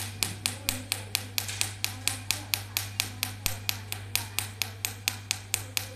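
Rapid regular sharp snapping clicks, about two per second, over a low steady hum: Q-switched laser pulses firing during a carbon peel.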